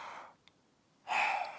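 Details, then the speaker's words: Adult man taking deep breaths in and out through an open mouth during chest auscultation with a stethoscope diaphragm on the upper chest, clinical examination demonstration: airy exhale fading, pause, then strong inhale. "Deep breaths in and out through your mouth. So, just nice deep, not uncomfortable."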